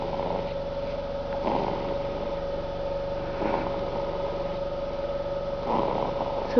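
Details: Soft, rough snoring breaths about every two seconds, roughly 30 a minute, over a steady background hum; snoring.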